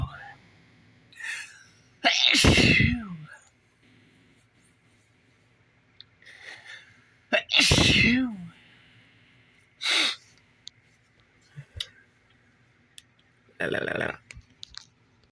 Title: mornin sneezes